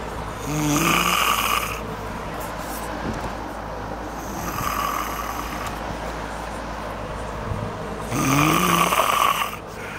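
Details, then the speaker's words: Woman sleeping out cold, snoring with repeated rough snores on inhalation roughly every four seconds, over steady fan noise with a window partly open on a cold night. "That window we got open part way. And she is snoring."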